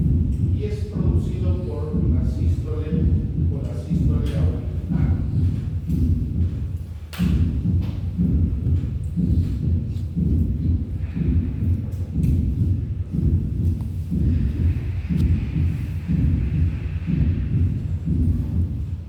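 Regular, low-pitched heart sounds with a soft extra thud falling just before the first heart sound. This is a fourth heart sound, a late-diastolic gallop from the atrium pushing blood into a stiff ventricle. It differs from a third sound, which follows the second sound.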